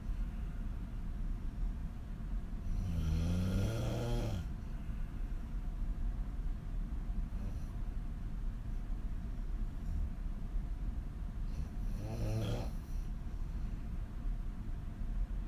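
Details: Adult female snoring lying on her back with mouth wide open; two low, rattling snores about nine seconds apart over background hiss.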